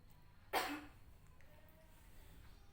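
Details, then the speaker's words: Effective cough technique taught to an adult woman patient (hands on chest, three deep breaths in through the nose and out through the mouth, then cough) to bring up sputum for laboratory testing: a single strong, deliberate cough in a quiet room. "lakukan tiga kali tadi nafas melalui hidung dan keluarkan lewat mulut lakukan tidak kali Indonesia ini lalu batukan"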